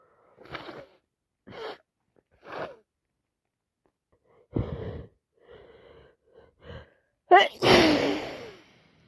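Several sharp breathy bursts and snuffles, ending in a loud, wet sneeze; sneezing with a head cold.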